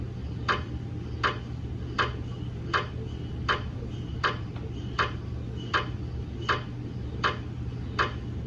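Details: GE MRI scanner during a daily QA scan with a head coil and phantom: sharp regular knocking, about 80 a minute, over a low steady hum; MRI gradient noise.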